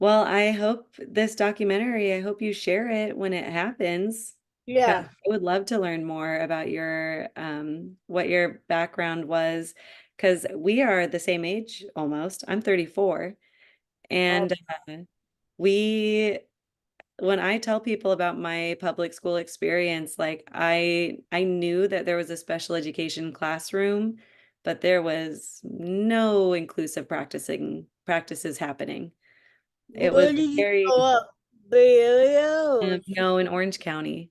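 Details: Adult woman speaking in conversation; ordinary speech.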